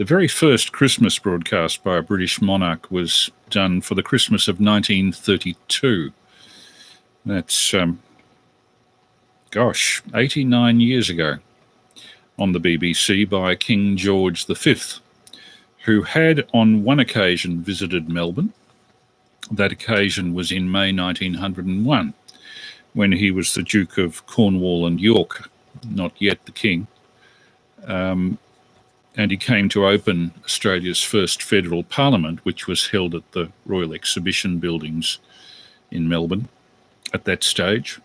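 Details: Adult male speaker; normal adult speech.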